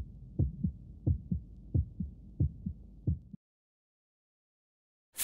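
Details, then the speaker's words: Five regular lub-dub heartbeats, about 90 a minute, then silence; animated illustration of a doctor listening to a child's heartbeat with a stethoscope. "the doctor is using a stethoscope to listen to heartbeat if you try on the stethoscope maybe you can hear it too"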